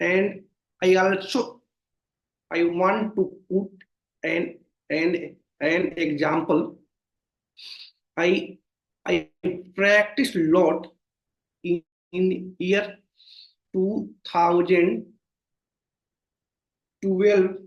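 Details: Stuttering (stammering) in an adult man, present since childhood and worsening over time, with severe blocks.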